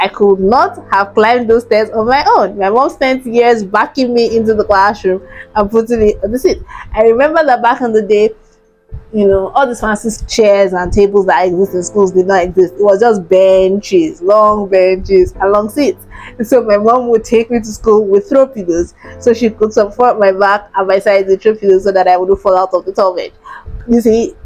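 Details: Woman with cerebral palsy, born preterm at 29 weeks weighing 1.1 kg, diagnosed after missed milestones, who says her speech is affected: mild dysarthria in cerebral palsy.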